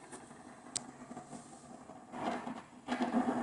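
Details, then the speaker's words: Concentric needle EMG of a muscle with complete, acute denervation from a complete lesion of the common peroneal nerve, with no voluntary activity: a quiet crackling hiss swelling into dense static-like bursts of fibrillations and positive sharp waves. "voy a tener toda esta tormenta eléctrica que me habla"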